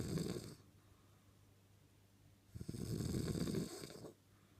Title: The sweet sound of snoring